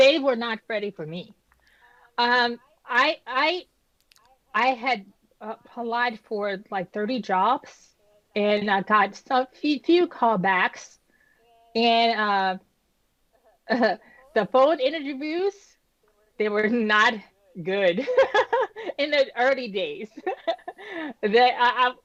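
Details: Adult woman, about 10 years after an ischemic stroke at age 36 that damaged about a third of her brain, including the speech center; initially unable to speak, with right-side paralysis; still recovering, with repetitions and word-finding pauses; post-stroke aphasia and apraxia of speech.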